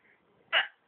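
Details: Drunken adult hiccup: a single sharp, abrupt hiccup against quiet room noise.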